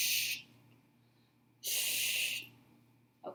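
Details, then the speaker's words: Student nurse on a tracheostomy simulator gives two breaths with a manual resuscitation bag after tracheostomy suctioning: two sharp hissing air rushes; manual resuscitator bag breaths. "okay taking that out and then two breaths with the enemy bag again"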